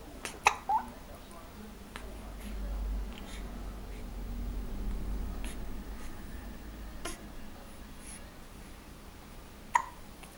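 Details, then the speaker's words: A baby girl hiccups: a few sharp, brief catches at irregular intervals over quiet room noise. "Oh, the poor girl. Hello. You got any hiccups? Yeah, obviously."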